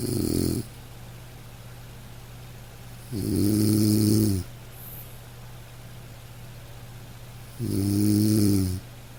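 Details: Sleep snoring from a household snorer: rough, buzzing snores on the in-breath, about 14 a minute, with a steady low room hum.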